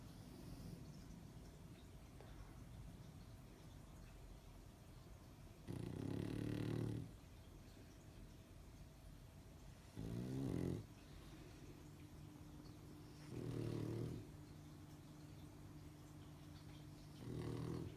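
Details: Snoring from a sleeping pug: four rumbling, rattly snores spaced a few seconds apart over steady room hum.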